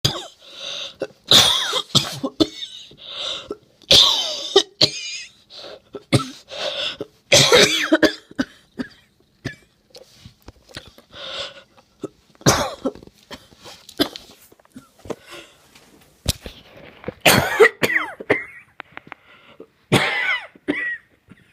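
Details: Person who still has a wheezy cough: repeated harsh coughs in clusters, with faint whistling, wheezy breaths between the bursts; wheezy cough.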